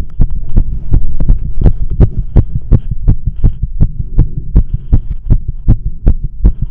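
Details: Fast, pounding heartbeat at roughly 160 beats a minute over a low hum during one of frequent tachycardia attacks at rest, with no exercise, caffeine or nicotine beforehand; the person felt dizzy, shaky and short of breath.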